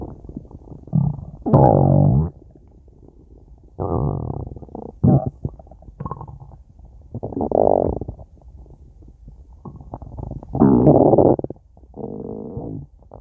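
Bursts of low gurgling, rumbling growls come and go with quiet gaps between them. These are ordinary stomach growls from gas and fluid moving through the gut.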